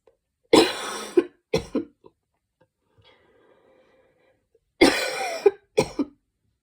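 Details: Two bouts of harsh, loud barking coughs, each a long burst then shorter ones, after trying breathing techniques to cough out mucus.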